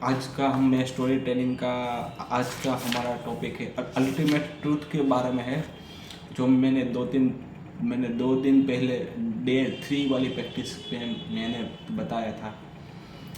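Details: Adult man who stammers, on Day 6 of a daily stammering practice routine (breathing, vowel, tongue and lip exercises, tongue twisters, story telling), telling a story in Hindi; stammering.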